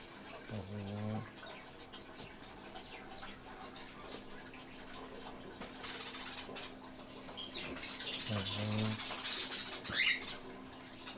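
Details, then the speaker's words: Doberman dog snoring while asleep, first time heard snoring: two low, buzzy snores several seconds apart over a faint steady room hum. "I want to show you guys my dog snoring right now. I don't want to make too much noise because I don't want to wake him up, but as you guys can hear, my dog is snoring."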